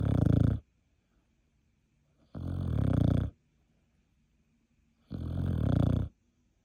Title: Beagle Dog Sleeping Snore